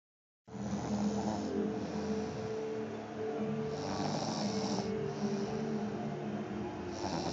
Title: Somebody snoring